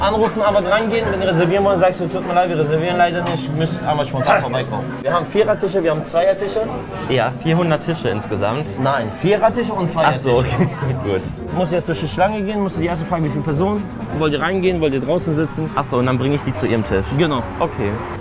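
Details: Adult male speaker; ordinary speech.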